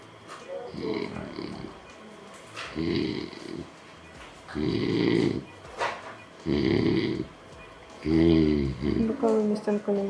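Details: Drug-induced sleep endoscopy with 2.9 mm video rhinolaryngoscope in severe obstructive sleep apnea (index 34), before septoplasty and turbinoplasty: repeated loud rattling inspiratory snores about every two seconds from soft palate, uvula and posterior pillar vibration; oropharyngeal obstruction, saturation dropping.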